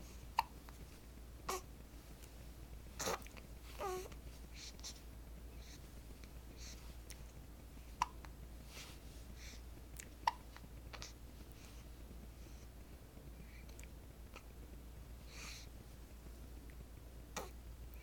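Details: Nine-day-old baby girl with hiccups: brief sharp hiccup sounds recurring irregularly, with a few soft vocal sounds, over a steady low room hum.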